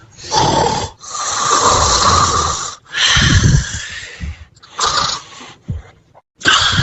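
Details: Cilinda dozing in her pink heart bed, snoring: repeated loud, rough, snorting breaths with short pauses between.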